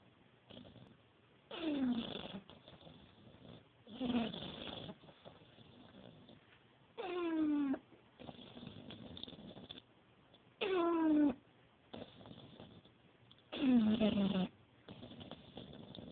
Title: George the english bulldog snoring!